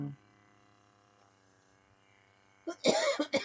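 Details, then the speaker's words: Adult cough while diamond painting: a few abrupt, harsh cough bursts close together after a quiet stretch; the speaker blames the changing weather and feels like coming down with a cold. "And excuse me. Yeah, this constant change in weather doesn't help, because I'm constantly here lately. I feel like I'm trying to come down with a cold or something, and I know I'm not."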